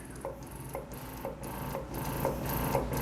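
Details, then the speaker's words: Medela Pump in Style MaxFlow double electric breast pump running: a steady motor hum with rhythmic rasping pulses about every half second, growing louder at higher speed. The pump is fairly loud and not a quiet pump. "pumps tend to be loud because you know there's a motor working so i mean some pumps are louder than others but um you know i don't think there's really any pump out there that you can't hear at all"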